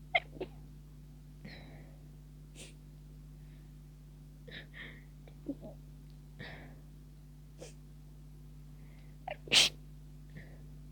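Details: Person near the end of a cold with persistent tickling sneezes: several small suppressed sneezes and sharp catches of breath, then a louder stifled sneeze near the end; a stifled sneeze attack.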